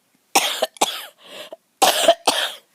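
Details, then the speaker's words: About five short, harsh cough bursts in quick succession with brief pauses, outdoors while filming flowers; the person says the cough comes on when talking a lot, not constantly. "I notice that when I start talking a lot I start coughing but I don't really cough all the time it's just when I talk"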